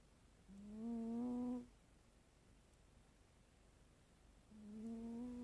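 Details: A sleeping cat gives two soft, humming, slightly whistly snores, one per breath, about four seconds apart, in a quiet room; snoring.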